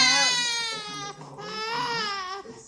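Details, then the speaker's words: Newborn girl: a sudden, loud, high-pitched, sharp cry in two long bursts with a brief catch between, an intense pain cry. "This cry is going to sound like an eh, eh, eh."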